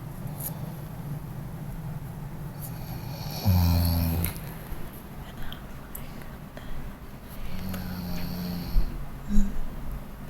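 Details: Sleeping dog snoring: low rumbling snores, with one louder drawn-out snort among softer irregular breaths.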